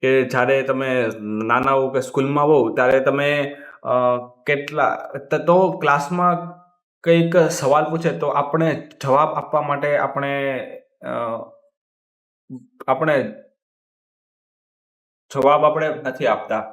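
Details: Stuttering (stammering) in a male speaker who says he stammers himself and uses word replacement for difficult words; speaking Gujarati.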